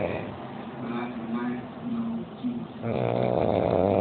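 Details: Loud snoring from a sleeping person, loud enough to prevent sharing the room: a rough, fluttering snore with a rattling buzz on the breath, in a small room.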